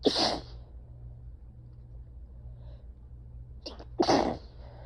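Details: Sneezing in a tired, slightly feverish person, possibly early illness or ragweed allergy (ragweed season starting), clip 1 of 4 from one fit: two sneezes a few seconds apart, second after a short breath catch.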